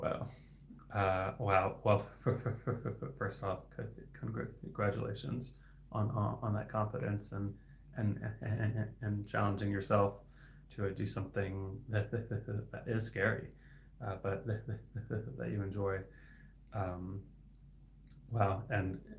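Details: Adult male licensed speech-language pathologist who has stuttered since age 8-9 (third grade); variable stuttering with sound repetitions and hard blocks lasting 10-20 seconds; finding: stuttering.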